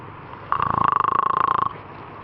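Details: A single loud, rattling, buzzing snore about a second long, with a fluttering vibration through it, against quiet room noise; snoring.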